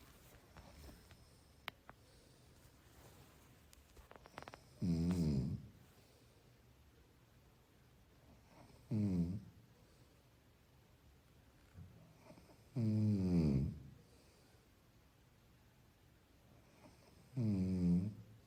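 Soft, regular snores about 14 a minute, each a brief rumbling breath in, with quiet pauses between, in a quiet room.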